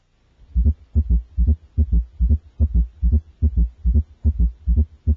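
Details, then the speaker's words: Child's heart: low heart sounds in clustered groups, where S1, S2, S3 and S4 occur together each beat, producing a quadruple rhythm. "when the four heart sounds S1 S2 S3 and S4 occur in the same patient they produce a quadruple Rhythm"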